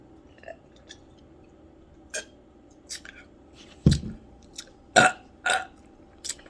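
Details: Repeated loud belching after eating ghost pepper chips: several loud, throaty burps over faint room noise, the biggest three close together.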